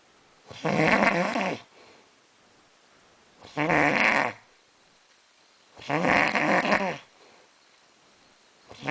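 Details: Man snoring very loudly: rattling snores about every two and a half seconds with quiet gaps between breaths.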